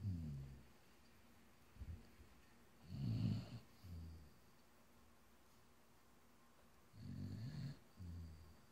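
Low rumbling snores in slow irregular bursts, with quiet pauses between them, from a sleeping badger.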